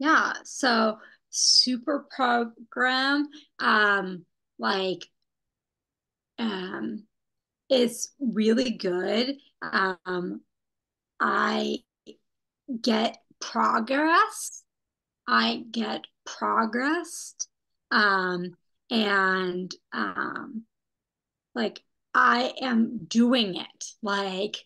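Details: Young woman who had a stroke at age 27, with post-stroke aphasia making speaking difficult; non-fluent, telegraphic speech with missing words; non-fluent aphasia after stroke.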